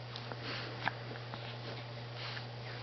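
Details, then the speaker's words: One-month-old infant hiccuping while feeding. A sharp little hiccup with fainter catches around it, over a steady room hum: hiccups. "It's very frustrating when I'm trying to eat And I get to hiccups isn't it"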